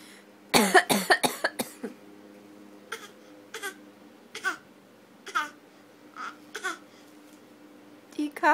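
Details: A toddler girl imitating her mother's cough: a quick run of about five short, forced voluntary coughs, then soft babbling sounds.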